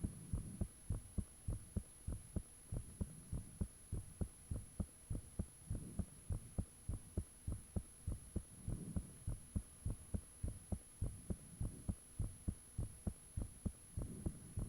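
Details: Own heartbeat recorded with the fan off, shortly after it became unusually thumpy: strong, regular thumps at about 100 a minute over a steady background hum; heart sounds.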